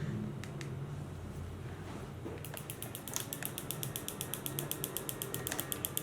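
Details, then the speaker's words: Focused shockwave (Storz Duolith T-Top) on painful posteromedial tibia of 23-year-old female runner with 4-month shin pain, no stress fracture suspected; 0.10 setting, first session: steady train of sharp clicking pulses, about four a second. "it's really important that you focus on the right region so i'm going to use focus shockwave which is designed for one stress injuries"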